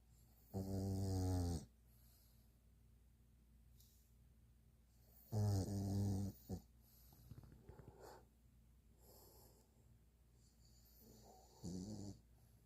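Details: Sleeping pug snoring: three loud, buzzing, tonal snores roughly every five seconds, with soft snuffly breathing between; flat-faced dog snoring.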